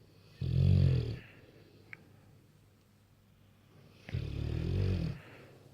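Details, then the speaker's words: Two deep, loud, fluttering snores about four seconds apart, each followed by a quieter breath out, from one of two Bullmastiffs sleeping on the bed; loud snoring. "I've got four company as I said the passive does snore loudly"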